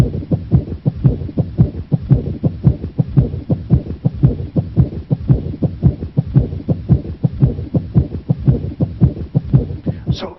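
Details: Pericardial friction rub in a young man in the emergency department with fever and sharp chest pain: scratchy, leathery sounds repeating with each heartbeat.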